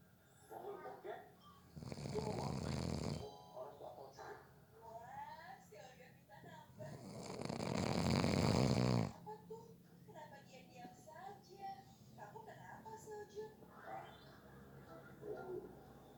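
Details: Loud, rough, rattling snores on in-breaths with quieter breathing between, from a person who fell asleep within about 30 seconds during a nap; ordinary snoring.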